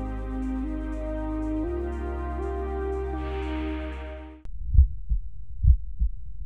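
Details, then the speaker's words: Heard over the aortic and pulmonary foci during deep inspiration then deep expiration in a teaching demonstration: soft music fades into about two seconds of low heart thumps through a stethoscope; the second heart sound is split into aortic and pulmonary components. "los dos picos del registro correspondientes al segundo ruido cardíaco muestran los dos componentes aórtico y pulmonar del ruido"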